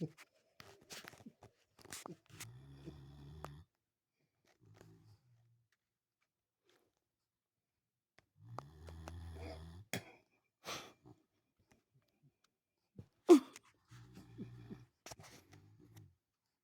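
Short low snoring rumbles in bursts with clicks and rustling between them; light snoring in a sleeping dog.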